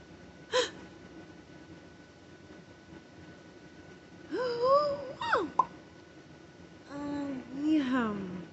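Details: Vocal tics during a tic attack in an adult parent, after a stressful day and while being treated for a bad ear infection with antibiotics, steroids and Tylenol, having stopped Benadryl: sudden brief squeaks, yelps and wavering moans amid quiet stretches.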